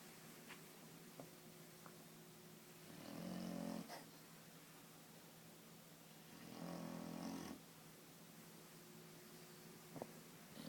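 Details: Bulldog napping: two loud, low, rumbling snores about three seconds apart over a quiet room hum, with faint clicks between them; ordinary snoring.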